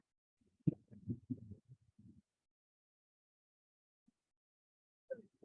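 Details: Teaching recording of a pansystolic murmur of mitral regurgitation, with constant intensity and one unchanging pitch throughout systole.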